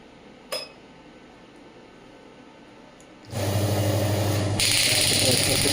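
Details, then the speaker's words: Pneumatic radial extracorporeal shockwave therapy device (ESWT, 0.5–12 bar), demonstrated on the hand at about 4–6 bar before raising intensity: quiet, then a loud steady stream of rapid clattering pulses as the device fires. "ये 12 बार तक अभी मैं इसको आपको चला के दिखाऊंगा। But 12 बार पे काफी ज्यादा इंटेंसिटी है एक छोटे टिश्यू एरिया के लिए।"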